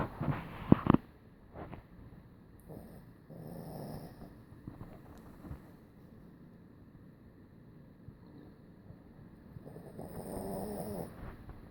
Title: Charlie snores like old man